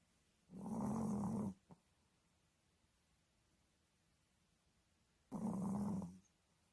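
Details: Two long, low, rattling snores a few seconds apart from a sleeping female pet dog; ordinary dog snoring.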